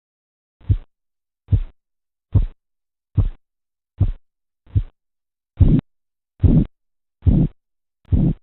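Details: Korotkoff sounds during blood pressure measurement: regular tapping thumps, about 72 a minute, first crisp, then fuller.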